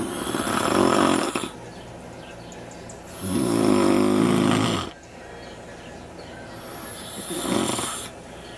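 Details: Man napping in a backyard: loud rattling snores on each breath in, about 3 in 8 seconds, with quieter breaths out between, laughter after; snoring.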